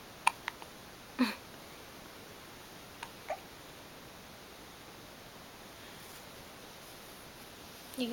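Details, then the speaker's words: Awake infant with eyes open, around noon, having hiccups: a few brief, sharp catches of breath spaced seconds apart in a quiet room. "okay today is April 20th it is about noon and his eyes are open and we have the hiccups today"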